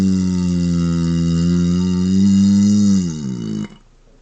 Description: You might need to turn up your volume for the closed mouth burps, but that only means you'll hear the rapid-fire burps that much louder as well! :)